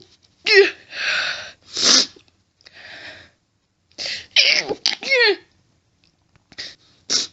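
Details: Woman in an intense fit of stifled sneezes, with stifling making her nose itchy: a run of about eight sharp, stifled sneezes with short breaths in between; rapid repeated sneezing.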